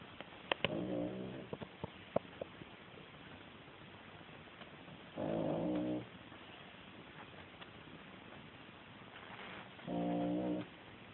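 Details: Female cat asleep, snoring: three deep, buzzing snores roughly every four to five seconds, with a few faint clicks.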